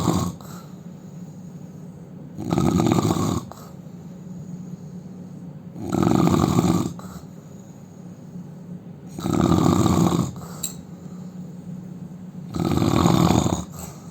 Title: indian man snoring loudly